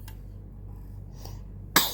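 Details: An infant at play in a quiet room gives a faint breath, then one sudden sharp burst at the end: an infant sneeze.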